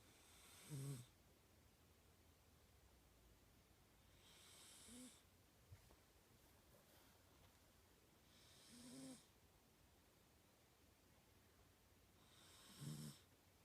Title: Snoring 🐱